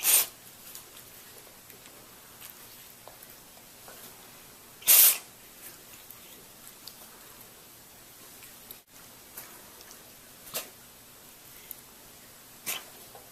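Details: Two short, sharp, hissing bursts against a quiet room with faint clicks and rustles: sneezing in a cat.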